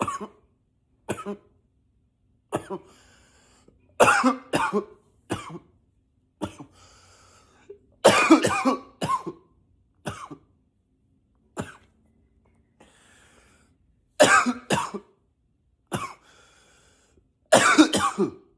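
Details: Acted, voluntary repeated coughing, sometimes deliberately in a deeper voice: about a dozen separate coughs, single and in pairs, a few deeper.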